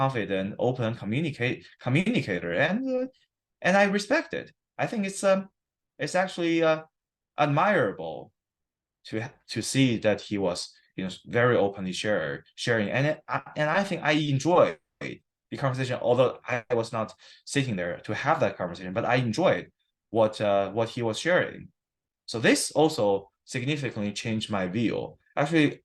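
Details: Adult man who stutters, recorded at a check-in after 7-8 weeks of stuttering therapy that did not use physical strategies or stuttering control; he reports sometimes having severe stuttering in conversations. Stuttering.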